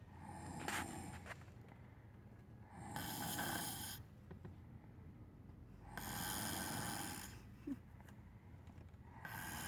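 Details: Sister snoring: rough, rattling snores about every three seconds, a little under 20 breaths a minute, with quieter breathing between them.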